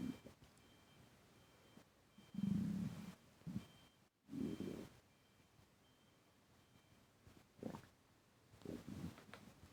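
About five low, gurgling rumbles come in irregular bursts against a quiet room background, typical of borborygmi, or stomach rumbling.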